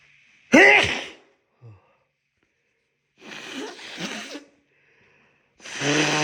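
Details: Wet sneezes with a tickling nose: three sneezes with quiet gaps, the first sharp and voiced, the others more hissing and wet.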